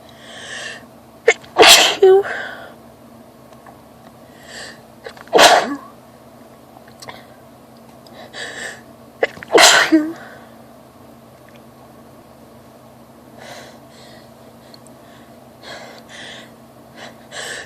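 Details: Allergy sneezing attack with itchy, watery eyes: three loud explosive sneezes a few seconds apart, each preceded by a quick in-breath.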